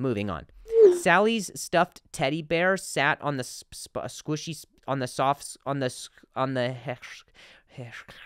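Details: Adult male stand-up comedian who stutters and is in speech therapy attempts a tongue twister from his therapist's exercise list, with phrase repetitions and blocks; stuttering.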